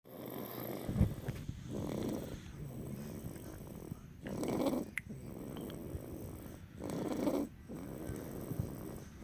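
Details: Person snoring: rough, rattling snores about every three seconds, roughly 20 breaths a minute, with soft snorts between.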